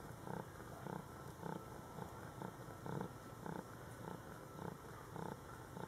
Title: Cute Kitten Rocky has hiccups